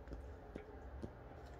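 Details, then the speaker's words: Faint, regular soft ticks about twice a second over a quiet room from the patient's own enteral feeding tube pump running in the background; this is her third pump. "if you hear a weird sound in the background that is my my feeding pump so make this very sound like a will turning yeah that's my feeding tube pump"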